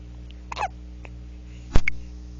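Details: 1-month-old boy with hiccups; had a latching issue: two brief, abrupt hiccup sounds over steady background hum.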